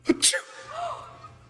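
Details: Person sneezing, possibly a prank, who says they may be getting sick: a sharp indrawn catch followed by a forceful, hissing burst; a single sneeze.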